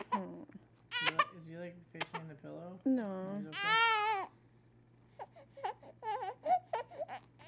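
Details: Male infant who dislikes tummy time, crying during tummy time in short wailing bursts with whimpers between, in a quiet room; fussy infant cry.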